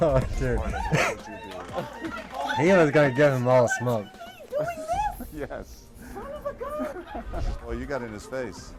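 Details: Adult male; typical speech.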